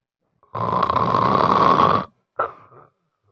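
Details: Extremely loud snoring in a person with severe obstructive sleep apnea, snoring that disturbs family members.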